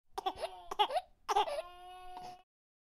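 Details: Baby crying in short, tense bursts, then a longer wail, with brief cough-like catches that are hard to separate; a sound-effect recording.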